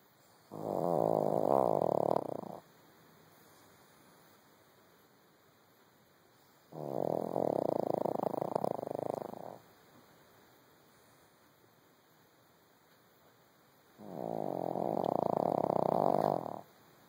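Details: Small dog napping deeply after a busy day: three long, loud rattling snores about every seven seconds, with quiet pauses between them; snoring in a sleeping dog.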